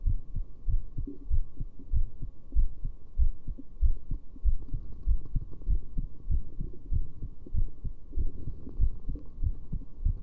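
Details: Heartbeat recorded with a heart rate display; steady, regular low thumping at about 95 beats a minute with a faint background hum.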